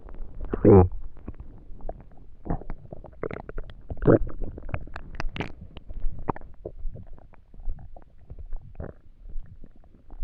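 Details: Person trying to sleep on an empty stomach in a quiet room: irregular gurgles, squeaks and rumbles from the belly; borborygmi.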